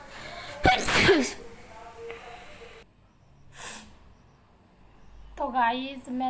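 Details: Person sneezing during a sneezing challenge, after trying substances such as powder to provoke sneezes; a forceful sneeze burst with a quick intake before it, then a softer second sneeze and a voiced cry; room noise.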